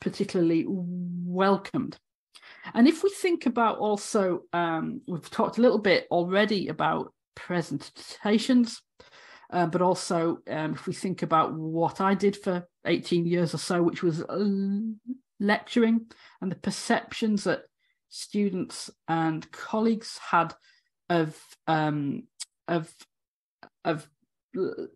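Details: Adult woman, former university lecturer of 18 years, who has a real stammer; stuttering (stammering).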